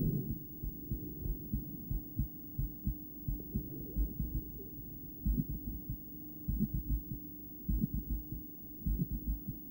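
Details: A woman records her own heart with a stethoscope placed in a poor spot, with loud breathing. After breath-holding play, low thumps come in close pairs with occasional longer pauses, including one long pause, over steady hum: intermittent bigeminal rhythm.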